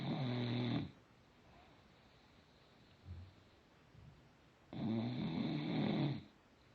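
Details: Bulldog snoring: two loud, rough snoring breaths separated by a quiet pause of about four seconds, with faint breathing between them.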